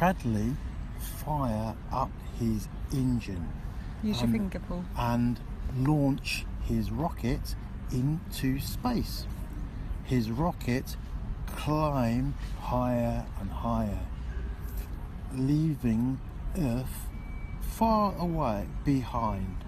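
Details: Post-stroke aphasia in a male patient reading a children's story aloud with therapist coaching, three weeks after an intensive comprehensive aphasia program; improved speech.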